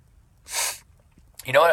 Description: 10 Cayenne Pepper Sneezes| Leave a Comment & Will Read in NEXT SNEEZE VIDEO